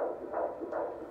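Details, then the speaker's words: Fetal heartbeat heard on a Doppler held during a prenatal visit in a fourth pregnancy: rapid, rhythmic whooshing pulses, normal for around 26 weeks. "come close to your mom now we're going to listen to the baby's [Music] heartbeat"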